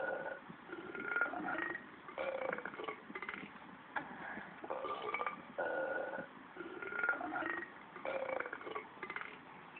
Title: Rendeers big burps